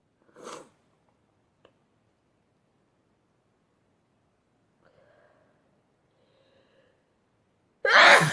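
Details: Two loud sneezes, one near the start and one at the end, with a quiet stretch and faint breathing between; sneezing from a sneezing compilation.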